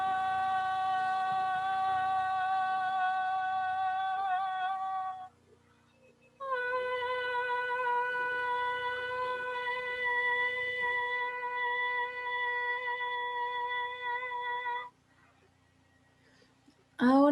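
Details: Normal voices of people without vocal cord pathology, used for comparison with vocal fold polyps and nodules.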